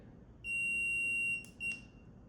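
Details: Dental curing light during orthodontic indirect bracket bonding, curing 5 seconds from the gingival side: a steady, high-pitched electronic tone, then a short second beep marking the timed composite cure.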